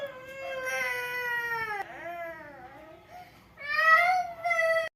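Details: A small child cries in drawn-out, high wails with falling pitch, an ordinary upset cry after being refused jelly.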